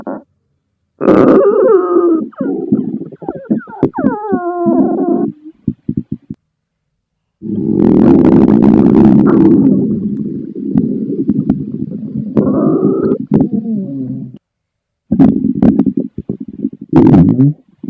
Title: Pasta Stomach Growling #Adventuretime